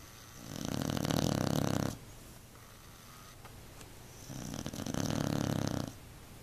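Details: Beagle snoring so loudly the couch vibrates, driving another pet off: two long, loud, rasping buzzy breaths about three and a half seconds apart; heavy snoring.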